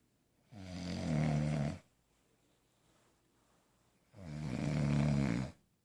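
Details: Caught sleeping: two long, low, rattling snores on the in-breath, about three and a half seconds apart, with quiet between them.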